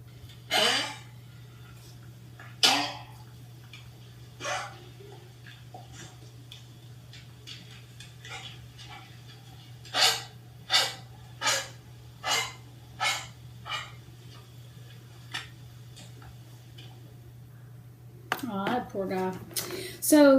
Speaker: it is primarily a combination of bacteria and virus and it causes a nasty hacking cough like this